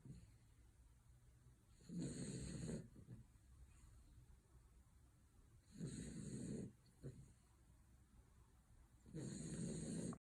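Low, rumbling snores roughly every three to four seconds, about 17 breaths a minute, with a faint snort between. Snoring in a sleeping puppy.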